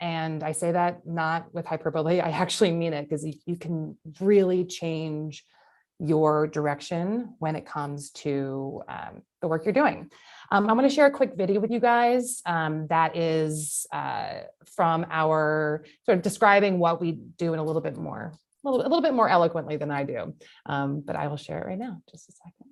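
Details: Adult woman speaking; no disorder.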